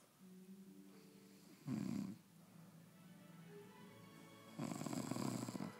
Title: snoring